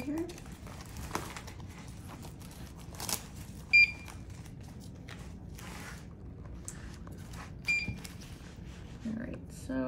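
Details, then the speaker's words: Home IV milrinone infusion pump, shown by a home-infusion nurse demonstrating setup: two short high-pitched beeps a few seconds apart over rustling, signalling the infusion is complete; the screen then reads infusion complete. "And that beep is telling me that my infusion is complete."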